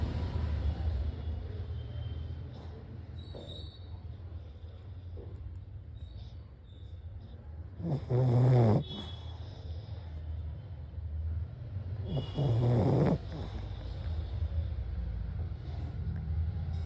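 Loud, rough, rattling snores in slow cycles over constant low noisy breathing; heavy snoring typical of a flat-faced dog.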